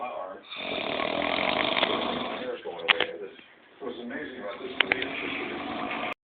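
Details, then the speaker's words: Heavy human snoring: loud, harsh, rattling snores with a brief pause between breaths, with a muffled, band-limited quality. "This nigga is snoring his ass off. Just damn."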